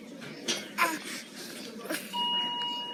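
Short voiced grunts from an infant, roughly every second, with a steady monitor tone in the background: expiratory grunting.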